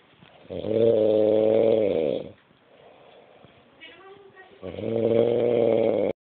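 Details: Husband, who says he doesn't snore, snoring: two loud, buzzy, rattling inhalation snores about four seconds apart with a quieter breath between: habitual snoring.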